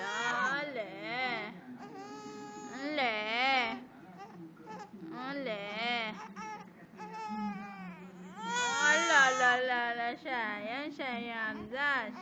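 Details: 2-month-old baby boy crying for milk: rhythmic, wailing infant cries in repeated bursts, with a soft adult voice soothing in the background; an infant hunger cry.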